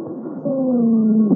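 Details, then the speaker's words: Lung auscultation of a patient during a bronchial asthma attack: sustained musical whistling wheeze, dry rales from bronchospasm and airway narrowing with viscous exudate. "Сейчас вы слышите сухие хрипы у больного во время приступа бронхиальной"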